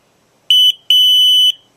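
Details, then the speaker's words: Hospira Plum XL infusion pump audible alarm check before initial use, per FDA recall procedure: two loud, shrill electronic beeps, one short and one longer, after switching the rear alarm switch from low to high; alarm heard means unit ready. "Then verify on the back of the unit that the audible alarm switch is in the low position. We listen for the alarm and when we hear it, we switch to the high"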